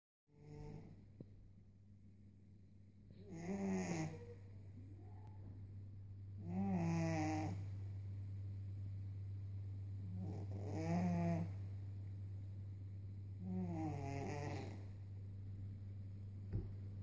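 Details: Pet cat snoring while asleep: rhythmic rattling snores on each breath in, about 20 a minute, over a steady low room hum; cat snoring.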